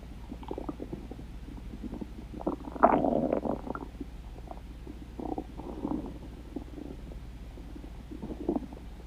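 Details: Stomach growling: low gurgling rumbles rising and fading, loudest near three seconds, over a steady low hum; ordinary gut sounds, borborygmi.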